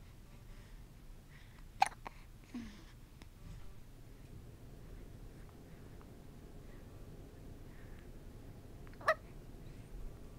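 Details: Hiccups of a little boy with a pacifier, his body shaking with each hiccup.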